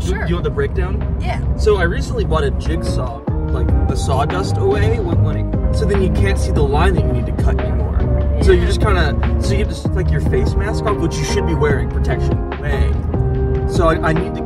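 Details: Adult man talking in a car; normal speech.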